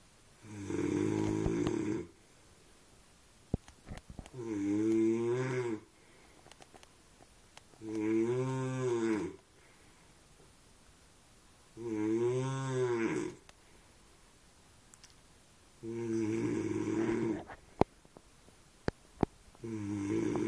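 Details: A sleeping man: loud, drawn-out snores about 16 a minute, each long and tonal with a lowing, cow-like quality; snoring.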